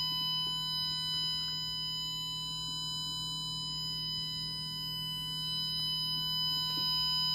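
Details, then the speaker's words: Steady, buzzy 1 kHz test tone from an 8-ohm speaker driven by a 555-timer PWM amplifier circuit, one step of a simple hearing-test frequency sweep from 20 Hz to 20 kHz. "200 hertz 500 hertz one kilohertz"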